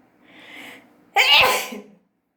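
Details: Short intake of breath, then one loud explosive sneeze from a person in the Philippines.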